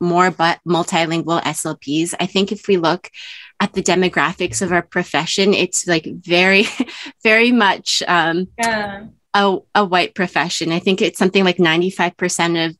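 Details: Adult woman speaking; typical speech.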